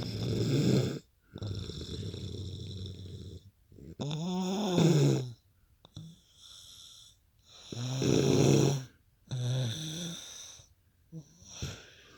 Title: loud snoring